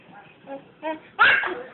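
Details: Imitated sneeze: two short vocal sounds, then a loud voiced 'achoo'; fake sneezing, not a real sneeze.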